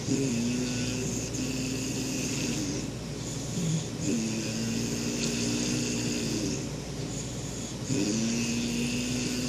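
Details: Snoring: repeated low, droning, vibrating breath sounds with a steady hiss behind them.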